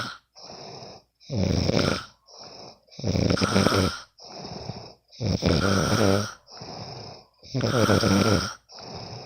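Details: Loud rattling snores on each breath in, alternating with hissing breaths out, about 13 breaths a minute, recorded from a friend asleep at night: ordinary heavy snoring.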